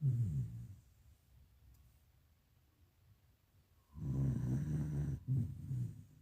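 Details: Someone caught snoring, over music: two low, rumbling snores separated by a quiet pause; noisy breathing during sleep; snoring.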